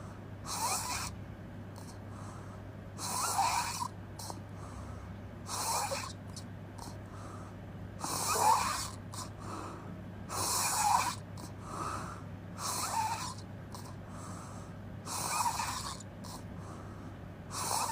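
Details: Loud, rattling open-mouth snoring with each breath, about 25 per minute, some puffing and snorting sounds over steady room hum.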